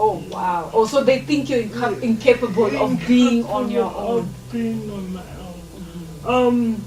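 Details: Adult female speakers in conversation; normal speech.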